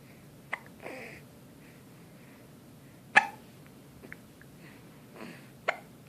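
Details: Hiccups: three sharp, sudden hiccups over six seconds, with soft breathing sounds between them.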